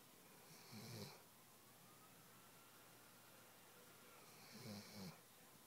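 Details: A Weimaraner dog sleeping on a couch gives two soft snoring breaths about four seconds apart, each with a low rumble and an airy hiss, over faint room noise; snoring.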